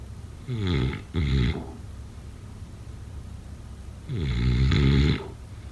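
Two loud, low, rattling snores on breathing in, the first broken into two parts, separated by quiet breathing against faint room hiss; typical snoring.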